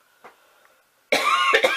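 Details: An adult woman coughing during an allergy attack that she links to strong perfume exposure: a quiet room, then a loud rasping outburst ending in two sharp cough bursts.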